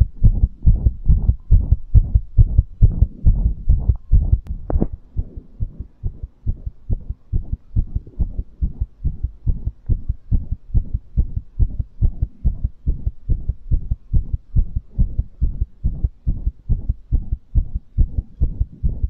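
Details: Fast heartbeat after exercise, ASMR recording: fast, regular low thumps at about 140 beats a minute; post-exercise tachycardia.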